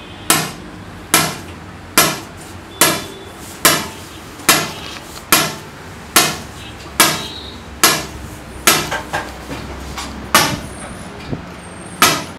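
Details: Shock wave lithotripsy (ESWL) for kidney stones: sharp, regular cracking shots, about 36 a minute, each fading quickly.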